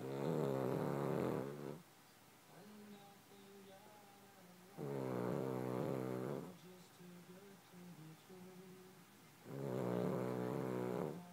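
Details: Sleeping dog Charlie gives loud, buzzing snores on the in-breath about every four to five seconds with quiet breathing between; snoring.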